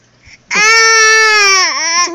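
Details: A father's young son crying: one sustained, loud, steady-pitched wail with a dip in pitch near the end, an ordinary crying bout.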